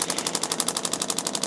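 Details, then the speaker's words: Radial shockwave therapy handpiece applied to the lateral leg of an adult male chiropractor: rapid, regular sharp clacking pulses, about ten per second. "Mike's sending you some shockwave on kind of my lateral leg down here."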